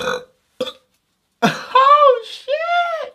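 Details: Man burping: a few brief throaty bursts followed by two long, loud, voiced croaking belches; repeated burping compilation.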